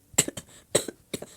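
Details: An adult who says they are really sick, tagging allergies, reads aloud and gives three short, sharp coughs in quick succession, each with a brief harsh second phase. It is an acute cough during illness.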